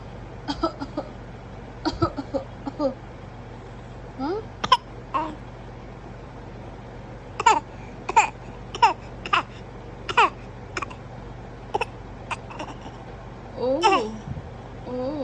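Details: A 4-month-old baby makes a string of short, voiced, cough-like bursts mixed with soft coos, a playful, deliberate fake cough rather than an illness cough.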